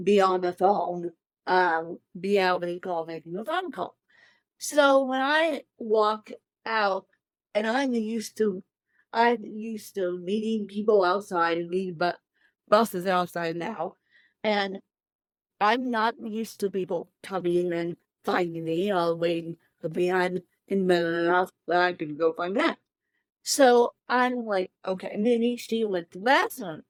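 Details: Adult woman with cerebral palsy since birth, born 13 weeks premature at one pound thirteen ounces, speaking in a real interview; dysarthria in cerebral palsy.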